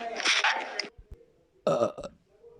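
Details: Furcorn toy burping: two loud, gurgling burp sounds a second apart, separated by brief quiet.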